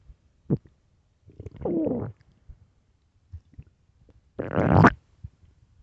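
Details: Low gurgling rumbles in two longer bursts with small pops between, recorded late at night; ordinary stomach growling (borborygmi).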